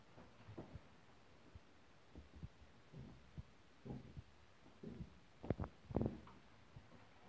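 Faint, irregular low thumps of heart sounds through a stethoscope, with quiet room hum.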